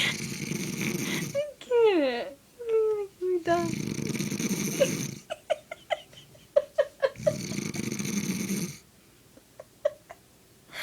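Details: Man asleep snoring very loudly: three long, harsh, rasping breaths about six seconds apart, with squeaky chirps and brief voice sounds between; snoring.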